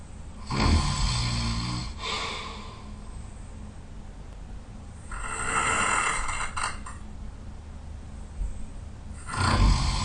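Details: Very tired person, loud snoring: three long, rough, rattling breaths, mostly on inhalation, at a slow sleeping breath rate.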